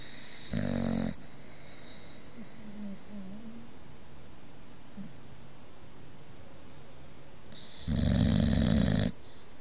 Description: Not only does Halo the boxer take over the bed, she is a very loud snorer! This is what keeps me up at night!